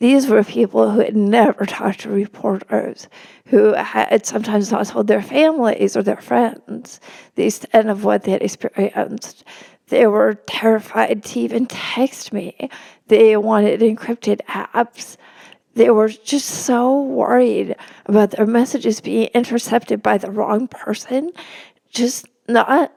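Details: Spasmodic dysphonia in an adult woman; real condition, disclosed beforehand, noting it may make her sound nervous though she is not.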